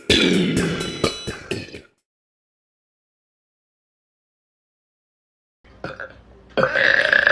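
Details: A loud, long rumbling belch broken into pulses, a pause, then another belch, from a burping compilation; deliberate burping.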